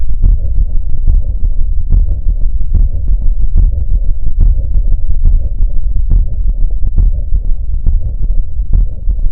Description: 🩺Unlike systolic murmurs, diastolic murmurs are always a pathological auscultatory sign.